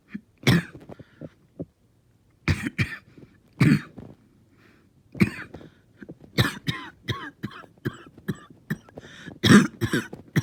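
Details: Prolonged, painful coughing fit of about fifteen harsh coughs in clusters with throat clearing and brief pauses; the person says they stayed fairly calm.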